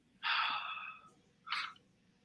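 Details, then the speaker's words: Adult woman snoring in the background of a room: two breathy, snorting breath sounds, a longer one then a brief one, faint and distant. "Oh, it's my girl snoring in the background because the Miami Heat is such a snooze fest."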